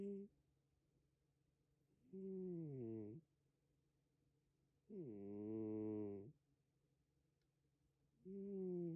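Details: Slow, loud, tonal snores with falling pitch, about 20 a minute, separated by quiet pauses in a quiet room, during sleep: snoring.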